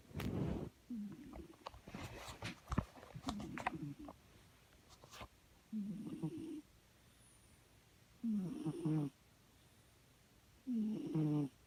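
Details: Pet cat snoring: soft, short, purring snores roughly every two and a half seconds, after some rustling handling noise.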